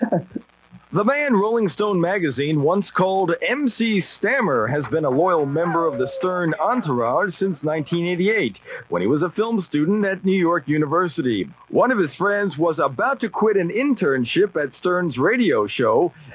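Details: Adult male narrator; ordinary speech.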